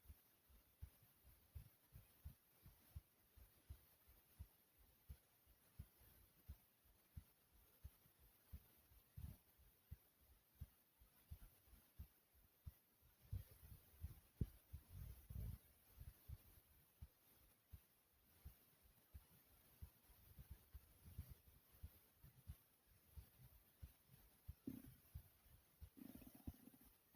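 Soft low heartbeat thumps, roughly 87 a minute, growing louder and quicker toward the end.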